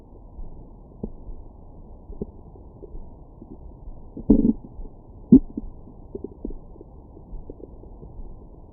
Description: My #StomachGrowls after breakfast.